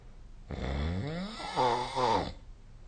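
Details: Sleep snore recording (2025/05/07), snoring app: a single two-second snore, rough low rattle rising into a louder buzzing, fluttering tone before fading, over quiet room noise.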